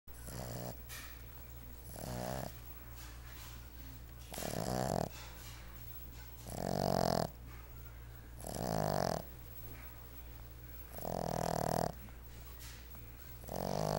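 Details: Seven-month-old Boston Terrier puppy napping: loud, rattling snores about every two seconds, roughly 30 breaths a minute, over a steady low hum; snoring.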